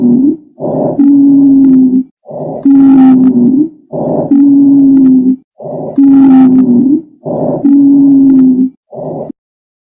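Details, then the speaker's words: Repeated breaths with a long, steady musical whistle on each exhalation only, which can indicate a mild airway problem; expiratory wheeze. "in this video we're going to review the expiratory wheezing lung sound typically expiratory wheezing indicates some form of COPD asthma allergic reactions anaphylaxis some form of a respiratory disease that is anywhere from mild t"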